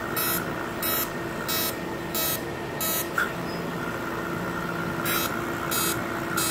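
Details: Fractional CO2 laser treating stretch marks: repeated short high beeps, each a fraction of a second, over a steady machine hum; device in operation.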